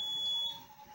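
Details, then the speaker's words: Hemodialysis machine air-in-line alarm: a steady high-pitched electronic tone that cuts off, then faint room noise. The machine detected an air bubble in the blood line. It should be muted and nephrology called, since air passing the detector would reach the patient. "Cabe recordar que antes de resetear una máquina de modo continuar, es importante verificar qué tipo de alarma está presentando. En este caso, la máquina nos detecta burbuja de aire detectada."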